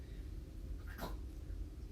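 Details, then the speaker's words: Pet animal coughing during a recording: a single short, sharp cough over steady low room hum. "is coughing comes up here and she coughs in my video"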